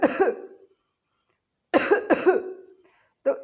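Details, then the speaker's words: Adult doctor imitating a double paroxysm of cough: two quick bursts together, repeated after a pause. Homeopathic teaching example, not a real patient. "अब next medicines जिसमें इस तरह की खांसी होती है जिसे हम कहते हैं डबल पैरोक्सिस्म ऑफ कफ, यानी कि एक बार में दो बार खांसी।"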